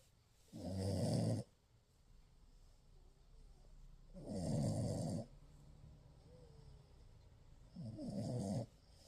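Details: French bulldog puppy sleeping during cuddling: three regular low rumbling snores, about 16 per minute, with quiet pauses between; steady snoring in sleep.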